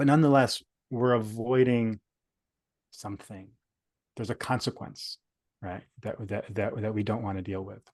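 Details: Adult male speaker; stuttering.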